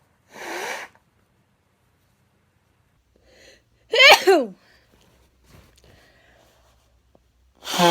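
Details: Three sharp, explosive sneezes separated by quiet pauses, the middle one a loud voiced 'achoo', from a person who says they are still sick; sneezing.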